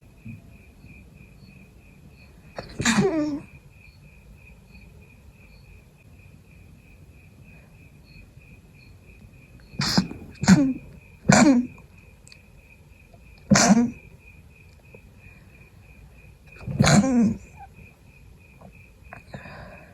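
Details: Sneezing during an illness, still sick with the fever gone, with a persistent nasal tickle: five short, partly stifled sneezes, three in quick succession, in a quiet room with a faint steady beep.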